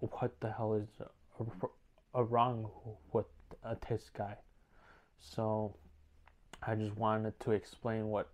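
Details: Male speaker with stuttering, working on it day by day, worse when uneasy, sometimes severe enough to stop making videos; stuttering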